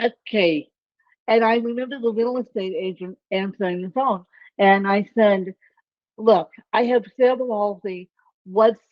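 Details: Adult woman with self-reported ataxic cerebral palsy; the speech impairment type is not named; dysarthria (ataxic cerebral palsy).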